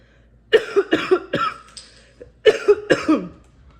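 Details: COVID-19-positive mother with new symptoms of coughing and chest pain, feeling her medicine is not helping: two runs of about three harsh, dry coughs each, roughly six in total.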